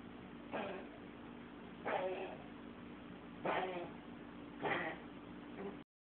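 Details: Pomeranian with a known trachea problem, recently at a dog park twice in two weeks: four harsh, honking coughs over six seconds, worse and longer than usual; owner suspects kennel cough. Recorded on a cell phone.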